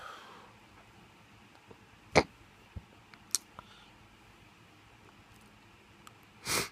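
A few short, abrupt catches in a quiet room, irregularly spaced, then a breathy exhale at the end; hiccups.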